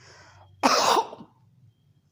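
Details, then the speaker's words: Adult imitating an Antimonium tartaricum-type cough, with phlegm sounding from the chest and mucus brought up giving relief, typical in elderly and children: single harsh, wet, rough throat-clearing cough. "Antimonium tartaricum जो मैंने अभी थोड़ी देर पहले मेडिसिन बताई थी, उसकी खांसी में चेस्ट से बलगम की आवाज़ आएगी ऐसे,"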